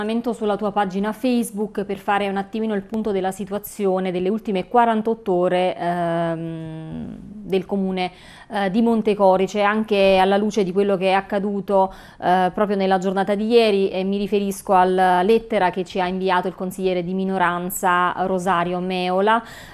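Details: Adult speaker; normal voice.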